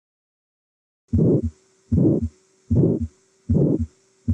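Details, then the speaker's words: Cardiac auscultation with a regular heartbeat about 76 a minute and a loud, harsh, very clear systolic murmur filling each beat: aortic stenosis murmur. "نيجي بقى عند الاورتيك ستينوزيس. خلاص احنا قلناه، نسمع بقى الميرمر بتاع الاورتيك ستينوزيس."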